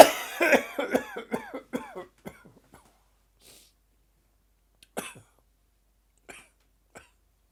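A rapid run of dry, harsh coughs with retching, gagging sounds, trailing into a few isolated coughs.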